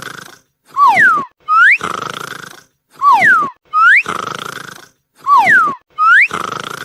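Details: A sleeping dog snores in a steady rhythm, each breath carrying rough snorts and squeaky whistling sweeps; snoring.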